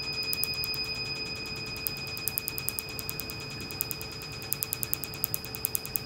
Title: 30 second tattoo removal 🔥😎 #shorts #tattoo #laserremoval #tattooremoval